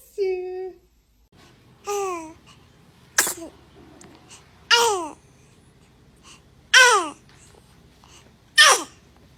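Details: Several tiny, high-pitched infant sneezes from babies, each a quick squeaky burst with brief quiet between.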